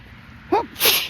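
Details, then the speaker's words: Allergic sneezing outdoors in light rain, sneezer suspecting rain-broken pollen; a single explosive wet sneeze after a brief voiced wind-up, with steady rain noise behind. "Oh my goodness. Oh, those are wet. Those are wet sneezes. Oh, boy."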